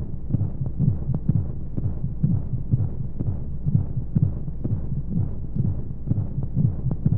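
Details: Womb-sound sleep aid for babies: steady muffled low heartbeat thumps, about 125 a minute, under a soft rushing white-noise hum as heard in the womb; heartbeat.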